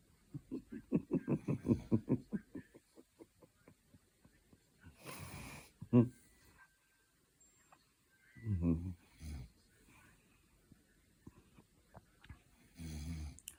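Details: Man and dog asleep together, snorer uncertain: rapid, bubbling, snorting breaths, then several separate rough snores with quiet gaps between; snoring.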